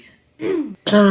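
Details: A child's chronic cough of about five years, in Australia, considered to be habit cough.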